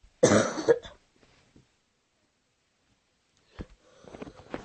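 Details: One harsh, loud cough burst with a second catch, then quiet and faint movement noise; part of a coughing attack at the end of a prank recording.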